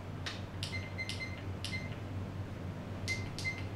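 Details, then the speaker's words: SK 602 infusion pump while the KVO (keep vein open) rate is set to 2.5: short high electronic keypad beeps as the setting is changed, with steady low room hum behind; infusion pump keypad beeps. "let me choose the kvo rate press enter key let's change it to 5.2.5 okay"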